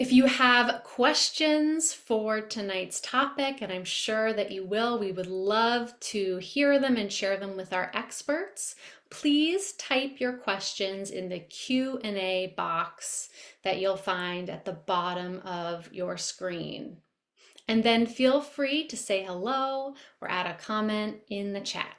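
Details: Adult woman; Normal speech.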